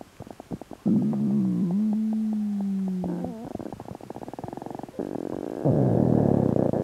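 Long gurgling, squeaking and bubbling bowel sounds, with a drawn-out tonal rumble, linked to a stomach ulcer.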